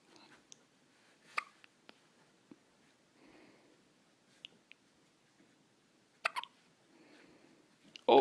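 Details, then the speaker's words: Post-feeding hiccups in a baby girl: faint, soft hiccup clicks at irregular intervals, with quiet whispering and room noise, ending in a louder sound. "Someone has the hiccups."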